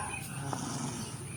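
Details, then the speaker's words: Rooster with ngorok (snoring respiratory illness) during treatment, being given medicine and water: a low, wet, snore-like rattle from congested airways; rattling respiratory noise. "Nah, suaranya begitu. Allah kayak gerok itu, Guys."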